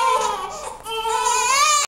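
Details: Two-month-old twin baby crying: a high, wailing cry that briefly dips and then rises again, ordinary fussy crying.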